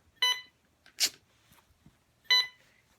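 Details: Hospital bedside machine alarm beeping beside a cancer patient: two short electronic beeps about two seconds apart, with faint room noise.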